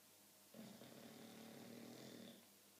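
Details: English Bulldog asleep and dreaming: a single low, rattling snore lasting about two seconds in a quiet room: snoring.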